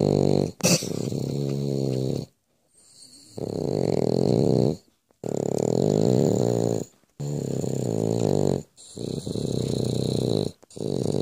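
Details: French Bulldog snoring: loud, rattling, growl-like snores in steady rhythm, about 13 breaths a minute with short pauses; noisy upper-airway snoring.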